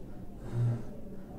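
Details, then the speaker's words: Wheezing sound in a child, played by a child pulmonologist as a contrast to stridor: a brief low musical tone riding on a breath, from narrowed airways. "So there can be different type of noises which can be heard from the respiratory tract of children, and as we have discussed in our previous videos, there can be sounds like this or wheezing sound like this."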